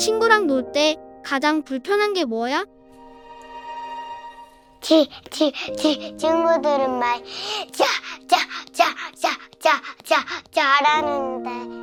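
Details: Stuttering with single-syllable repetitions in a four-year-old girl, sudden onset in September; pediatrician found no physical problem and recommended speech therapy; expert links it to perfectionism and fear of mistakes.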